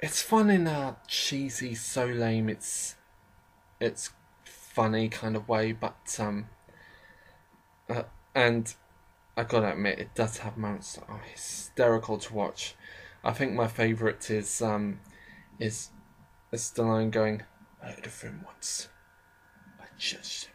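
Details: Speaker with a self-described slight stammering problem who often stammers or pauses, only partly edited out; stuttering.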